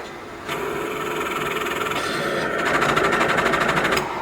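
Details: Steady rushing airflow with a rapid fluttering buzz, about three pulses a second, from a Philips Respironics CoughAssist T70 in therapy mode with oscillation set to the maximum of 10; the tubing flutters strongly.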